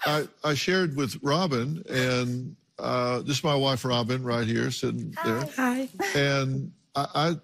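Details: Adult man speaking; normal adult male speech.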